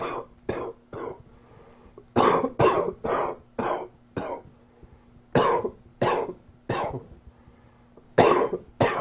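About fourteen harsh coughs in four bouts, with quiet pauses between them and a faint hum in the room.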